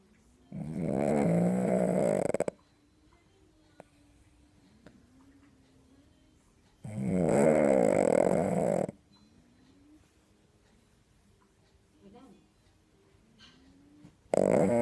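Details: A sleeping dog lying on another dog snores with loud, rattling two-second inhalations about every seven seconds; snoring.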